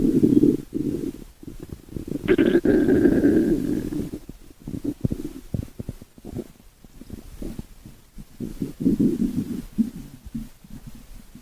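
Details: Stomach growling recorded over about 5 minutes: low, drawn-out gurgling rumbles with a brief squeaky tone, then irregular bubbling pops.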